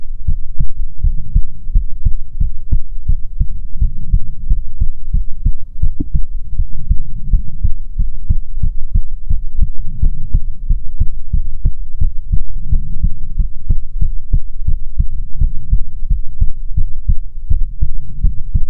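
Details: ASMR heartbeat recording: steady, loud, low thumping heartbeat at about 70 beats a minute with a faint background hum; heartbeat.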